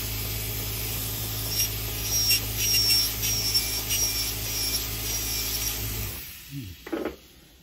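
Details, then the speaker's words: Podiatry nail grinder with water spray on an adult female patient's thick yellow fungal toenail: steady motor hum with rough rasping as the burr grinds the nail down, then stops. "so just going to grind it a little bit it's going to feel a little bit wet because it's got a it's going to spray a little bit of um water"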